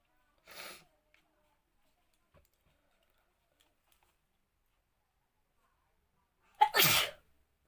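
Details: Woman attempting an induced sneezing challenge: a faint sharp burst, then one loud forceful sneeze with a sharp intake and explosive release; sneeze.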